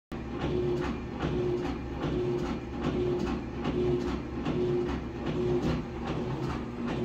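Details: Simulated: Heart Pump V2 driving a heart phantom, with steady mechanical whooshing pulses at about 74 a minute over continuous machine noise.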